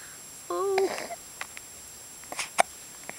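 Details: Almost 3-month-old baby boy with hiccups: a brief whimper followed by several soft, abrupt hiccup sounds over faint room hiss.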